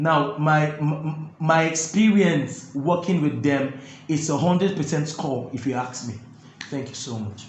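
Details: Adult male with stuttering (stammering) that makes talking difficult and is absent when singing; the interviewer notes he stammers a bit; stuttering.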